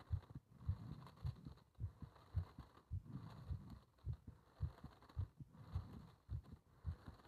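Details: Heart sounds during paper-bag rebreathing, part 1: steady, regular low thumping heartbeat at about 107 beats a minute; normal heart sounds.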